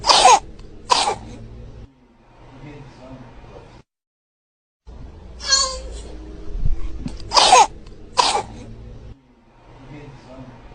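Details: Baby coughing: repeated short, harsh infant coughs in pairs, with quieter breathing and fussing between them.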